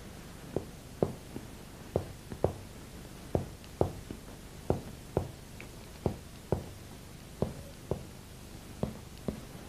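Series of sharp percussion taps over the back of the chest, with the resonant lung note turning duller lower down at the diaphragm level.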